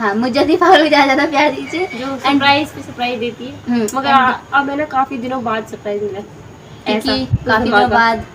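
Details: Adult speaker, Hindi; ordinary fluent speech.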